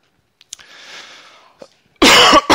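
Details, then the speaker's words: Cough: a soft breathy exhale, then one loud, sharp cough burst close to a phone headset microphone. "as I caught from the microphone you know what anybody who really listens you know you're gonna hear it a lot so just put up with it all right"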